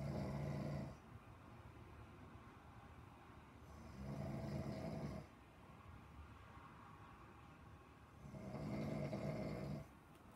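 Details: Deep, rumbling snores on each in-breath, about three in ten seconds, with quieter breathing between. A steady snoring pattern.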